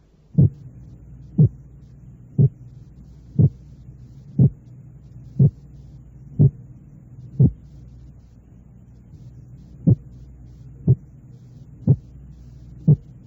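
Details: Simulated heart sounds at about 60 a minute, each a sharp, very closely split pair; a splitting discrimination training drill for recognising a split heart sound.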